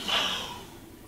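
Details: Adult man about six months after laryngectomy, speaking through his HME with head turned right as a posture adjustment, with hypotonic neopharynx and poor PE segment approximation limiting loudness; weak, breathy alaryngeal voice (hypotonic pharyngoesophageal segment).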